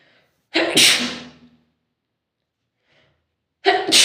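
One loud, sharp sneeze burst with a brief intake before it, then a second sneeze starting at the end.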